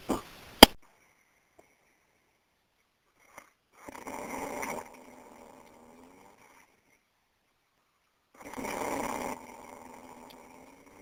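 Two rasping, fluttering breath sounds several seconds apart in a quiet room, consistent with snoring.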